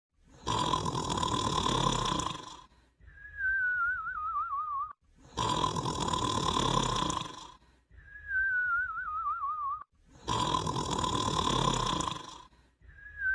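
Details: Cartoon (simulated) snoring: loud rasping snores alternate with falling, warbling whistles, repeating about 13 times a minute.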